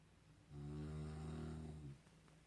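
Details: Adult man snoring at night while asleep, recorded in 2019: one long, low, buzzing snore lasting about a second and a half in a quiet room. Loud snoring.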